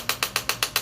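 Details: Rapid, evenly spaced run of six sharp mechanical clicks from an impulse chiropractic adjusting instrument at its highest force setting, correcting a lateral shoulder-blade misalignment in a retired police officer under care after an auto accident.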